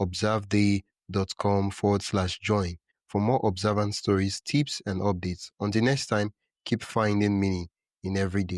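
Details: Adult male-sounding voice, likely synthesized narration; ordinary speech.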